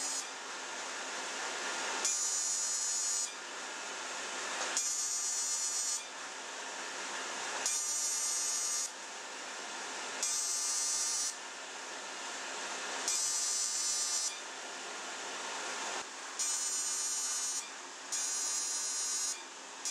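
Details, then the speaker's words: Steady hiss of cooling air with high buzzing bursts every two to three seconds as an ablative fractional CO2 laser (DeepFX handpiece, Lumenis) fires on a dark-skinned (type IV) patient with acne scars. "I will reduce the energy to 15 m and I will treat the forehead, the chin and the nose."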